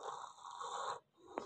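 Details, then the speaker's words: Child with recurrent cough and cold, on antibiotics again after monthly clinic visits, coughing worse at night: loud, rough, rattling breathing in a quiet room; noisy breathing. "Grabe talaga oh ba ang lakas ng ano niya tapos yung paghinga niya nakakatakot baatakot lagi siyang [Musika] ganyan naano na siya sa gamot kakagamot buwan-buwan talaga kaya ewan nakaka-stress din kasi nakakaawa A."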